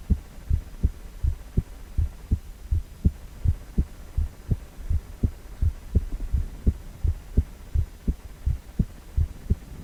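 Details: Heartbeat sound from a cardiac ultrasound, 4-chamber view of a male heart: steady, regular low thumping, about 83 beats a minute, with a faint hum underneath; normal adult heart rhythm.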